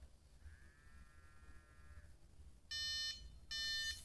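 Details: Two short, harsh electronic buzzes from the MyoSmart Slim sleep bruxism alarm, triggered by simulated masseter clenching measured by myography while awake, not during real sleep.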